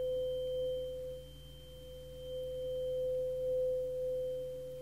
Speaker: today we're going to use it to help to see if you can hear properly